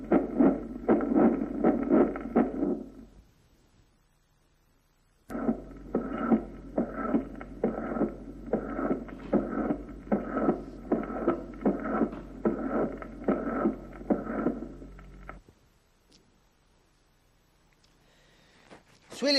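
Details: Mid-systolic decrescendo murmur (mitral valve prolapse).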